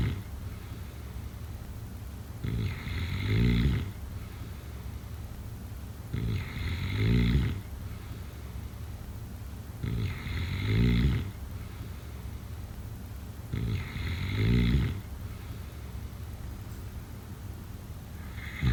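Regular rattling snores with each breath in, about 16 a minute, over steady room hiss.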